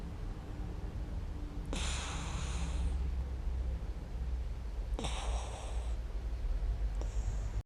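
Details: Young female puppy asleep in comfort, filmed with a GoPro: short snuffly, snorting breaths over a steady low background hum; light snoring.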